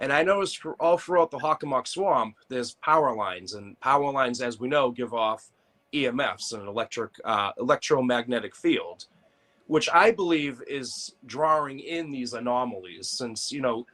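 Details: Adult male; normal voice.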